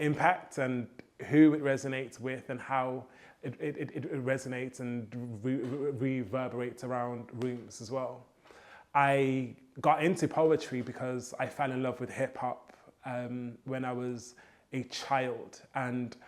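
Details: Stuttering (stammer) in an adult male poet, present since childhood; he says copying rhythmic hip hop flows helps his fluency.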